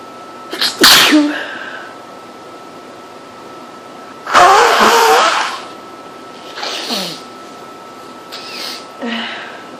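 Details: Person extremely allergic to cats, sneezing all day in a house with cat hair everywhere: a series of four sneezes, the first two forceful and explosive, the last two smaller, in a quiet room.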